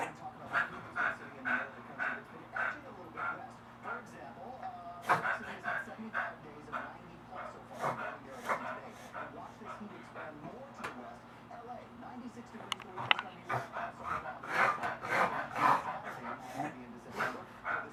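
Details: A beagle in a longer reverse sneezing episode, with repeated rapid snorting inhalations, about two a second.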